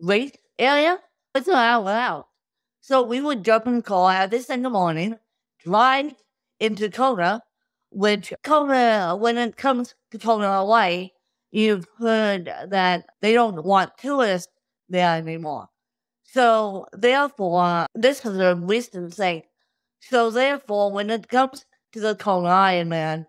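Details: Adult woman with cerebral palsy since birth, caused by lack of oxygen at birth; she reports difficulty speaking, sitting up and eating, and tires easily: dysarthria in cerebral palsy.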